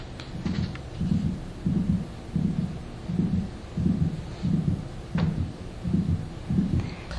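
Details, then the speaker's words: Dog heart, steady rate near 90 a minute, with an extra mid-systolic click from very early degenerative mitral valve disease (prolapse); the click sounds like a gallop and is often misdiagnosed as one. "t's often misdiagnosed as a gallop kind of sounds like a gallop but it's not an actual gallop it's a mid-systolic click"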